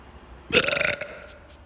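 One loud, rattling burp lasting about half a second.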